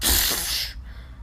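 One loud, hissing burst of air with a sharp onset, fading quickly: a single sneeze, from a game sound effect.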